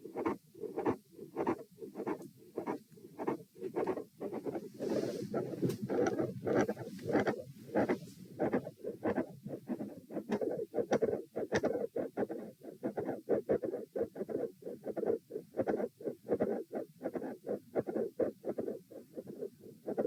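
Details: Heart auscultation stress test at position A, with the patient lying, sitting, standing and then lying again, repeated for consistency: mid-systolic click with a fixed split second heart sound.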